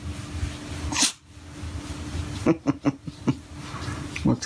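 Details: Killian, a dog, sneezes right after waking up: one sharp nasal burst, then a quick series of snorting puffs and breaths in a quiet room.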